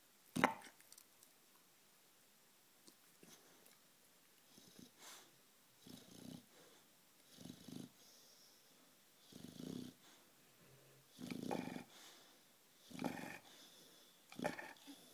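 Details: Sleeping bulldog snores with rhythmic, rumbling breaths that grow steadily louder; snoring.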